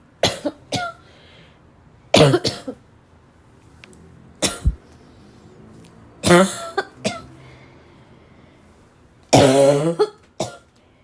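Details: Repeated harsh, dry barking cough bursts in clusters, some double, from an adult female in a quiet room.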